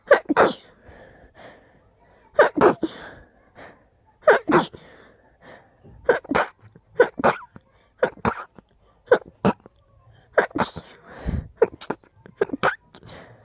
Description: Allergies are acting up again, and the sneezes are quite big 🤧